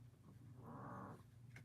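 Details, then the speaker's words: Little dog snoring in the background: a faint, low, rattling breath with a brief rough tone midway, against quiet room noise. "sorry if you can hear this little dog snoring in th"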